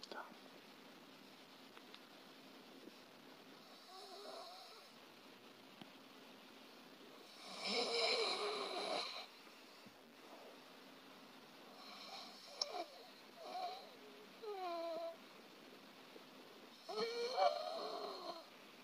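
About six loud, harsh, rattling snores at uneven intervals over roughly 19 seconds, some with a tonal, vibrating edge, separated by quiet gaps. This is heavy snoring, where the soft tissues of the throat vibrate strongly as airflow narrows during sleep.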